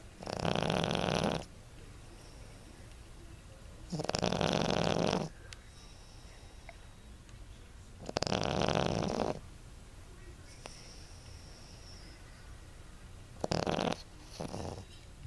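Loud rattling snores from a small dog, about 15 breaths a minute, separated by quiet exhalations: ordinary snoring.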